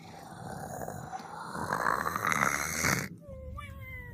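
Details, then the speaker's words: Exaggerated cartoon-style imitation snoring, deliberately fake rather than a real sleeper: a rising rasping inhalation, then a falling whistle on the exhalation, followed by the character saying it was taking a nap. "I was taking a nap. I love my nap."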